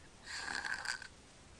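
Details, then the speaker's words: Sleeping child snoring and breathing through the mouth though not congested: a single harsh, hissing snore lasting under a second in a quiet room; snoring. "okay let's listen again you can hear snoring he's breathing through his mouth knows he's not congested"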